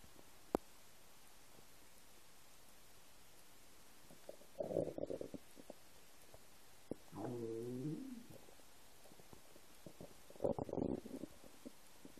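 Three gurgling, groaning rumbles from an empty stomach over a steady hiss; ordinary bowel sounds.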